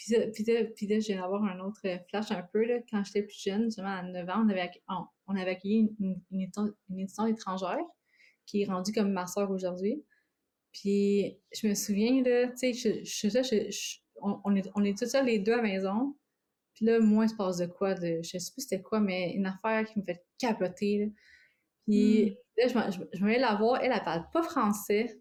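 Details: Adult woman living with both stuttering and cluttering; cluttering with stuttering.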